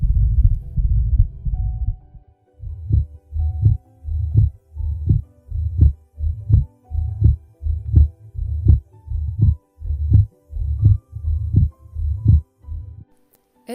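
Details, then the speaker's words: Accentuated second heart sound (loud P2) over the pulmonary area in mitral valve disease; regular heartbeat about 83 per minute with a loud second sound, a P2 accent. "усиление второго тона наорте или на легочной артерии такой феномен называют акцентом второго тона льно легочной артерии с митральным пороком сердца"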